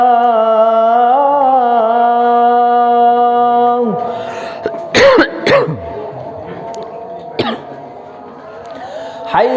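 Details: A sustained chanted Maghrib call to prayer (adhan) breaks off midway into several abrupt coughs and throat clearing.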